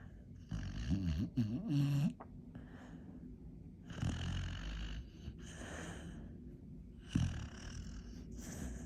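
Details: Sleeping dog snoring: rough, snorting snores with low rattling bursts between quieter breathing noise.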